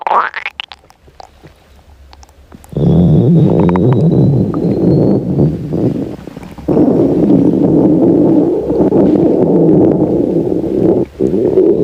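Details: Hungry girl's stomach growling: long, loud gurgling rumbles with a few brief gaps; normal hunger borborygmi from gut movement.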